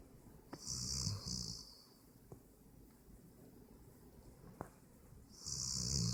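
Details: An adult roommate snoring in sleep: a rough, rattling snore on one breath, a quiet pause, then another snore begins, with faint clicks in a quiet room.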